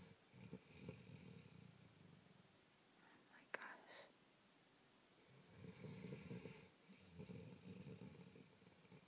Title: Buddy snoring white noise